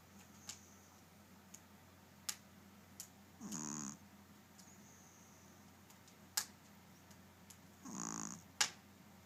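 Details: Two soft snoring breaths about five seconds apart, with scattered faint clicks in a quiet room; snoring.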